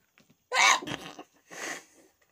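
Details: Sharp sneeze burst followed by a softer second sneeze, deliberately triggered by tickling the nose with paper in a sneezing challenge.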